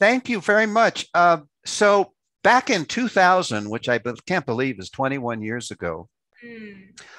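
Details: Adult speaker; ordinary speech.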